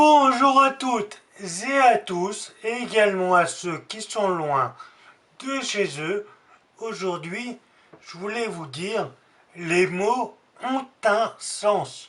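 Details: Man disabled by Friedreich's ataxia; ataxic dysarthria (Friedreich's ataxia).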